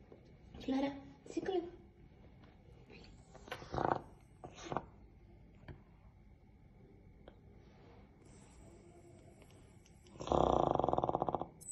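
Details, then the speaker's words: Dog: a few short noisy breaths, then a loud, rattling, snore-like vibrating upper-airway breath (stertor), likened to snoring; faint room noise. "like snoring a bit isn't it"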